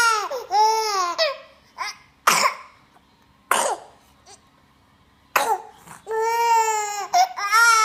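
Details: Cough.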